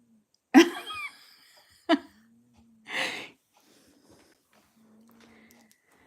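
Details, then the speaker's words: Sleeping dog, which the owner says has a pug-like nose, gives three irregular snorting snores, one with squeaky whistling tones, over a faint room hum. "oh my flop FS mun have like a a pug nose she snores my husband snores"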